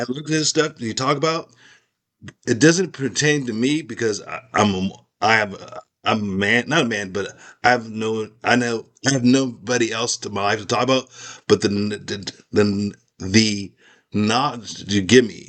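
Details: Aphasia in a man after a stroke; part of his skull was removed during recovery.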